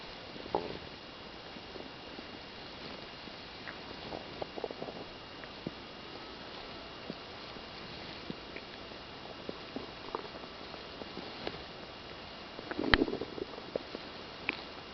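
Quiet, scattered gurgles and clicks from the belly, with a louder rumbling gurgle near the end.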